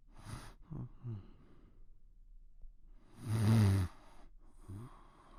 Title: Snoring Sound Effect | Free Creative Resources